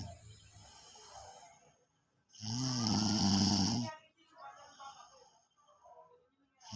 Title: after 5hrs walking exercise soo tired snoring 🤣